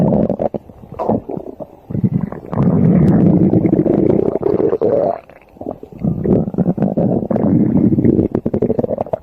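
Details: Loud, prolonged rumbling and gurgling waves from a sleeping rabbit's belly; stomach growling, normal gut activity.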